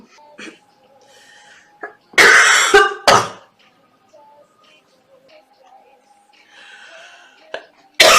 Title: girl sick and cough compilation 🤩